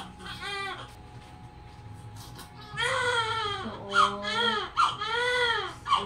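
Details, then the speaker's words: Newborn baby girl, about 2.5 kg, shortly after normal full-term vaginal delivery at 2:07: strong, repeated rising-and-falling wails with faint room noise; a vigorous healthy newborn cry. "karaos na siya Congrats si girl Iyak ng iyak parang sinusuntok ay 2.5 kil si baby"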